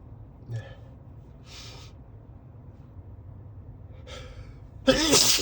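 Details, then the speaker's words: Driver commuting to work with allergic sneezing despite daily morning medication, suspects high pollen count; quick catching breaths, then a sudden forceful sneeze over steady car noise. "I think it's the pollen [snorts] pollen count is really high today. [snorts] [snorts] Oh god, [snorts] I really like sneezing but not while driving."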